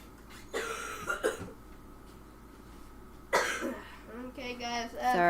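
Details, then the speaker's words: Coughing from a household member who is sick, heard during a live stream. "You're going to hear the coughing and stuff. We're just a bunch of sickies over here."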